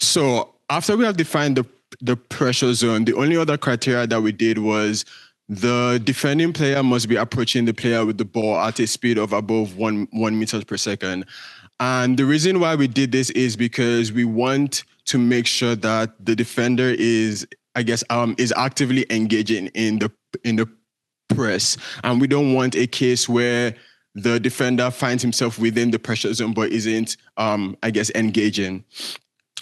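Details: Real stuttering in a male presenter giving a conference talk, who says his speech impediment shows as repetitions, prolongations or blockages and that listeners will hear much of it; stuttering.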